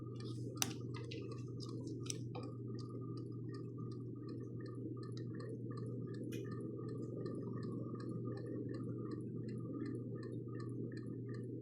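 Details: FVP 10 infusion pump running during calibration at a set speed of 1,200 ml/h with a 30 ml total volume: steady low motor hum with fast, regular soft ticking.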